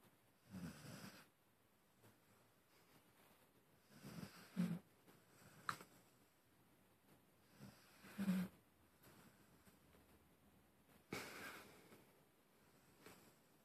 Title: Petey snoring